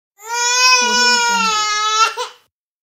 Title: Baby Crying Soud Effect